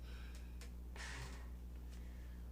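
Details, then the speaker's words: Mechanical ventilator sound just after the oxygen setting is switched from 100% to 40% on a heliox-capable ventilator: a steady machine hum with brief airy whooshes of gas flow. "so if I turn this back to 100 or to 40% so let's say I just switched it I'm at 40% can you hear the difference in the ventilator when I did"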